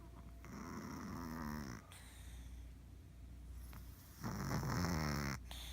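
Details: Two low, rattling snores with a quiet breath between them from a sleeping fat ginger cat; ordinary snoring.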